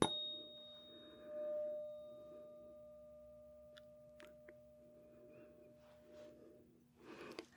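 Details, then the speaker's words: Simulated hearing exam roleplay: a German-made 512 Hz tuning fork is struck, producing a sustained pure tone, before Rinne testing. "These are my German made tuning forks. Let's grab out the 512."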